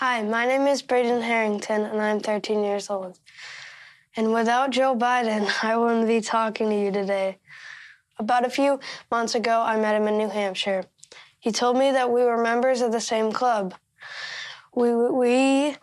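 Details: 13-year-old who says they stutter, speaking at a national political convention; stuttering.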